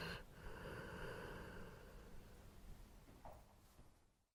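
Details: Soft, noisy, rough breathing with a snorting quality during sleep, quiet against room noise; snoring.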